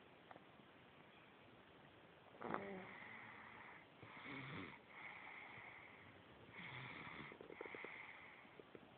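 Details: Sleeping infant snoring: several soft, rough, hissing noisy breaths in a row over faint room noise.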